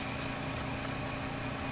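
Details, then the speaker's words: A portable suction machine runs with a steady motor drone and constant hum. It is switched on and checked before a tracheostomy is suctioned, with suction limit advised at 100–150. "now i will attach my suction catheter to my suction i can check and make sure that the suction is working"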